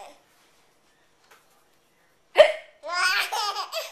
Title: VID00060 Hiccups are hilarous